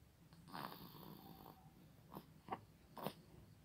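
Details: Infant snoring during sleep: soft, rough breathing noises repeating in short bursts, a light baby snore.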